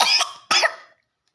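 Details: Young child drinking water who still coughs when drinking: two short, wet coughs after water goes down the wrong way, possible aspiration.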